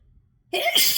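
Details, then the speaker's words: Adult sneezing fit, sneezy since waking on a rainy day, recorded at work without tissues: a quiet lead-in, then one loud, sharp, hissing sneeze burst. It is part of a prolonged attack with repeated sneezes that make talking hard. "Shoo, this isn't gonna stop. Shoo. Shoo. I don't even want to talk, because every time I try to talk, it just gets worse."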